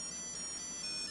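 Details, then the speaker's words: Animas 2020 insulin pump low-cartridge alarm after a bolus: a short, high, tinny customizable musical tune warning that 10 units or less of insulin remain. "it's warning me you know the music and you can customize the music but there's 10 units or less left"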